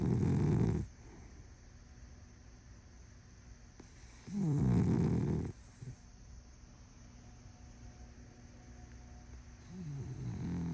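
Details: Small dog: loud rattling snore bursts on inhaling with quiet stretches between; very loud snoring.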